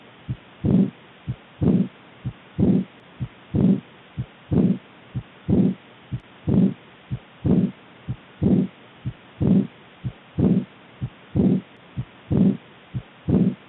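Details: Aortic regurgitation heart murmur: regular heartbeat at about 62 per minute, each beat followed by a longer blowing murmur.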